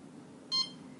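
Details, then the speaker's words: CADD Prizm home infusion pump: a single short high-pitched keypress beep in a quiet room as lock is pressed after entering the code to return lock level to one. "I would change that lock level again back to one you put in the correct code you click on lock"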